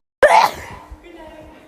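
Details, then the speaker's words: Sneeze: a single sharp, explosive sneeze with a burst of air, then a fading breathy trail, amid talk. "what happened man bless you amanda did you just say are you done thank you did you just sneeze on deck no she's into my own shirt"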